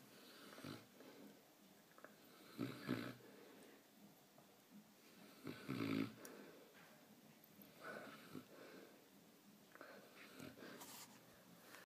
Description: Newfoundland snoring